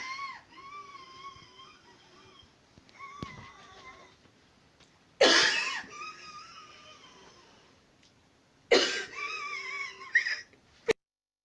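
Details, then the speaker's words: Wheezing in a 51-year-old woman with anaphylaxis, breathing difficulty and hives on the upper chest at 5 a.m.: loud musical, multi-toned wheezes through long breaths with two harsh cough-like gasps; severe airway narrowing. "all right so what do we have here you can hear it right you can hear the wheezing and again I know the video is not the best but we got it paused right there"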